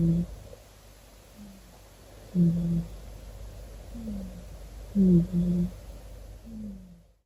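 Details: Sleeping tuxedo cat snoring: soft, low, droning snores in a steady rhythm, louder on one phase of each breath, about 24 breaths a minute.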